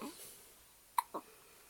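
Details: Single sharp hiccup with a brief follow-up sound in a quiet room, from a baby during peekaboo play; infant hiccups.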